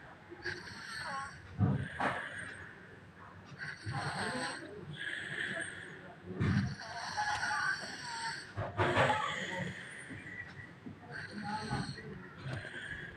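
Irregular rough, rattling breath noises with snorts during sleep, with some outdoor background noise; snoring.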